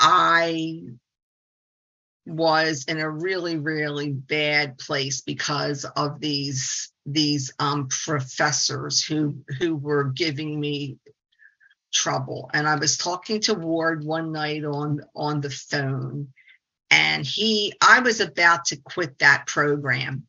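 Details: 68-year-old woman, a speech-language pathologist, with stuttering; stuttering.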